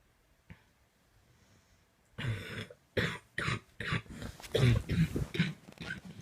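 After a brief quiet, a rapid run of about ten harsh, rough coughs with throat-clearing sounds; a coughing fit.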